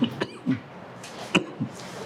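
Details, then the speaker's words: An adult male lecturer with a hoarse voice and cough gives a quick series of small, dry, short coughs, with faint room noise; cough. "बच्चों, आज मेरी आवाज़ बैठी हुई है, खांसी भी है।"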